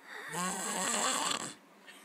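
A single loud, rattling inhaled snore lasting over a second, with a harsh buzzing throat vibration, then quiet.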